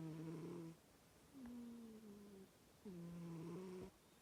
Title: Dionysus snoring in kitty cat heaven tv. #kittens #cat